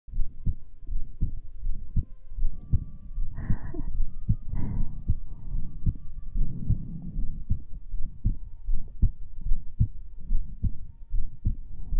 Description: This is another Heartbeat Sounds ASMR video.